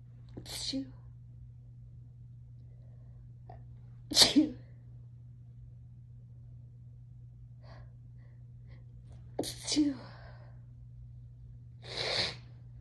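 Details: Four separate sharp, hissing sneezes, some with a short voiced burst, over a steady low room hum, from a person who is tipsy and high; ordinary sneezing.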